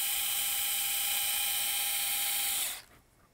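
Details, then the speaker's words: Power pin driver running during right partial knee replacement surgery: high-pitched steady motor whine under three seconds, then stopping, while pinning the distal femoral cutting block into place with two pins. "I'm gonna pin that distal femoral cutting block into place with two pins,"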